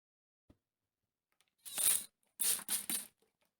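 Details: Female sneezing from dust while cleaning a messy room: a faint click, then a few short, sharp, quick sneeze-like bursts of air in a quiet room; sneezing.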